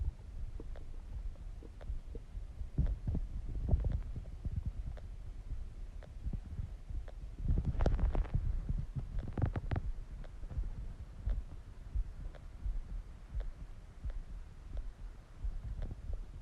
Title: Stomach growling sounds | My Stomach Makes Noises